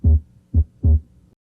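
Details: Clear, regular low heart sounds heard by stethoscope at the left third intercostal space beside the sternum, the accessory aortic area; normal heart sounds.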